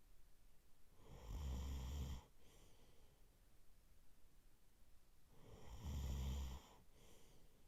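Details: Adult male boyfriend asleep: two loud, low rattling snores on inhaling, about four and a half seconds apart, with quiet breathing between; ordinary sleep snoring.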